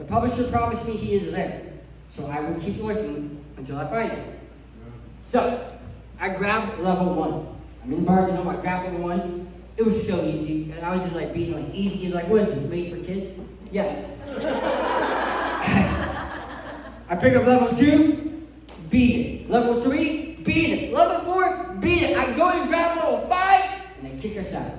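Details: Adult male who lost 80% of his tongue to cancer, leaving a permanent speech impediment; articulation impairment after partial glossectomy.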